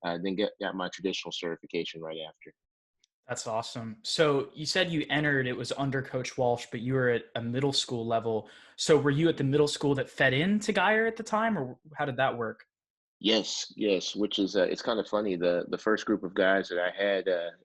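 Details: Two adult men in conversation; normal conversational speech.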